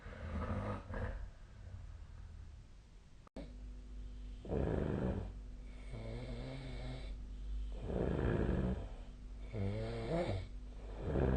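Repeated low, rumbling, fluttering snores with each breath, some with a buzzing vibrating quality, in a quiet room; snoring.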